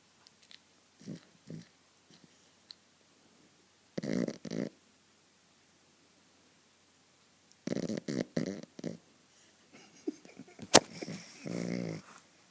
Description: My dog starting to snore so hard...